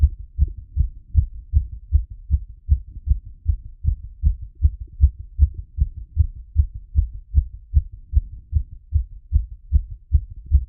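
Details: Heart auscultated through a stethoscope after a workout plus squats: fast, regular heartbeat about 150 beats a minute, normal rise in rate after exercise.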